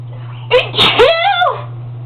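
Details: Sneeze induced by tickling inside the nose during a sneezing competition: a short indrawn build-up, then a sharp voiced sneeze burst and a trailing vocal sound over faint room hum; a single ordinary sneeze.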